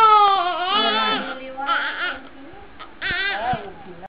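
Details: Newborn boy on his second day of life crying quite loudly: high-pitched crying in strong bursts with breaths between; a vigorous normal newborn cry.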